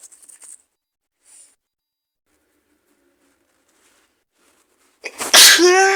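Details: Adult with an awful cold, maybe flu, and bad fever, in a cold-roleplay scenario: faint sniffs, then one loud explosive sneeze, alongside coughing and nose-blowing into a handkerchief.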